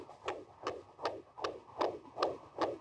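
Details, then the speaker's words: Fetal heartbeat recorded by a sensor placed on the pregnant mother's belly and linked to a smartphone app: rapid, regular whooshing thumps, about 155 beats a minute. "ça ce sont les battements du cœur d'enfetus enregistré grâce à grâce à cette application"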